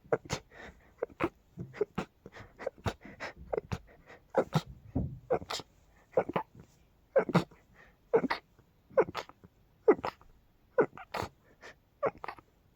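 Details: Rapid, repeated sharp snorting sneezes, roughly one a second, in a quiet indoor room; sneezing fit attributed to dust and pollen.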